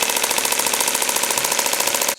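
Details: Shockwave therapy applied to the elbow for tennis/golfer's elbow at a physical therapy clinic, the patient's first elbow treatment, reported painless: rapid, loud rattling bursts firing continuously, then stopping abruptly.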